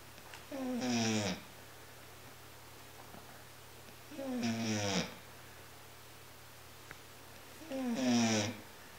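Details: Penny snoring during a Sunday morning nap: three rattling snores about 3.5 seconds apart with quiet pauses between them; ordinary snoring.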